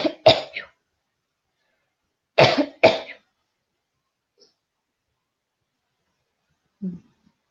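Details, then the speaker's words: Adult woman recording with earbuds coughs: cough. "So you can hear my coughing very well too, huh?"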